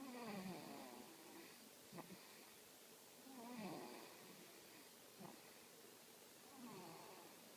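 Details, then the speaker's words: Little girl asleep in a car seat: soft, rhythmic snoring with gentle fluttering breaths about 18 a minute over steady car noise. "when she sleeps. She likes to snore a little bit. The cutest little snore you'll ever hear."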